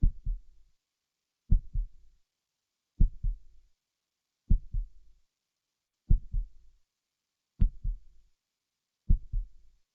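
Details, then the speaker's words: Slow, regular heartbeat with paired lub-dub thumps at about 40 beats a minute, played as one person's heartbeat in a comparison of two people. "but what you can hear here is like on the left um you can hear somebody has a much slower regular heartbeat"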